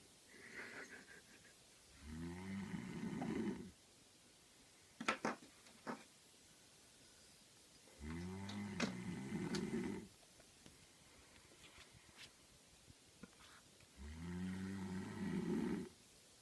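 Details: Loud, rattling snores from a sleeping adult male, about one every six seconds, with light taps and thumps between (being smacked without waking): snoring.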